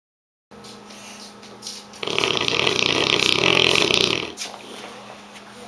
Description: Korean Mastiff snoring very loudly.